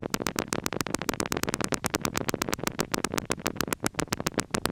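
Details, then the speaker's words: Needle EMG during voluntary muscle contraction: dense, rapid crackling pops from many motor units of normal duration and amplitude firing together, normal recruitment. "this is our normal recruitment will look like you can see a lot of motor units hiring they are nice uh duration they're not tall"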